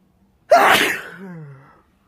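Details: Single loud, explosive sneeze off camera that trails off into a short voiced tail.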